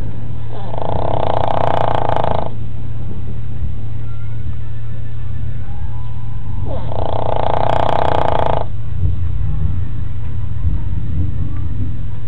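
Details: A sleeping dog, said to sleep 22 hours a day, snoring loudly: two long, buzzing snores about five seconds apart over a steady low hum.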